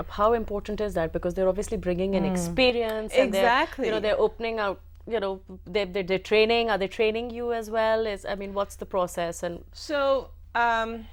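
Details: Adult woman, interviewer; fluent speech.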